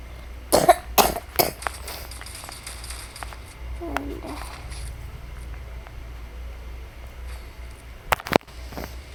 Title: Maff guys aku batuk jadi main ny kurang fukus klau fukus udh kalah musuhnya sama aku